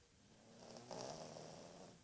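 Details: Sleeping dog: soft, rough snore on a slow breath in a quiet room; ordinary snoring.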